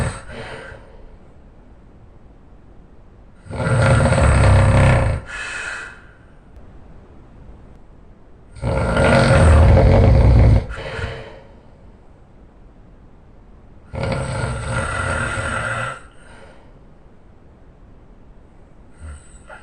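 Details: Loud, rattling snores about every five seconds, each lasting nearly two seconds, with quiet breathing between them; heavy snoring from a man asleep.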